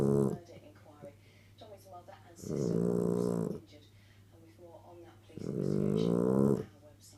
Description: My little girl snoring x x x